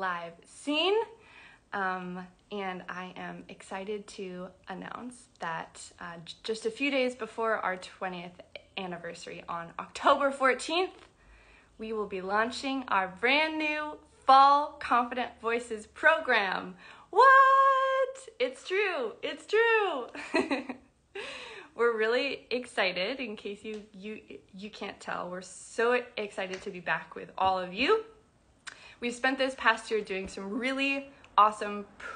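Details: Adult woman who describes herself as a person who stutters, speaking spontaneously; stuttering.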